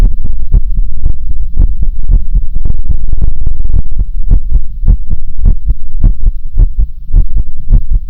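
Loud, fast, deep thumping heartbeat, close and boomy, with paired beats running at a quick pace.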